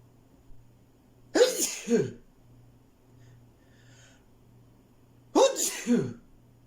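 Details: Two loud sneezes a few seconds apart, each a sharp inward catch then an explosive burst, in a quiet room with a low hum.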